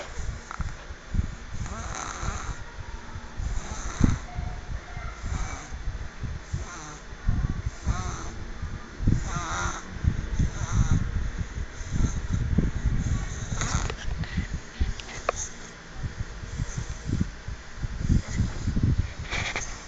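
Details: A tired person asleep, snoring: loud, low, rumbling breathing noises repeating through sleep.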